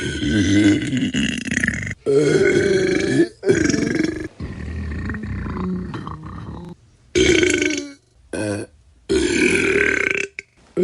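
Several long, loud, croaking belches in a row with short pauses, each a drawn-out throaty rumble: burping from a sound-effect compilation.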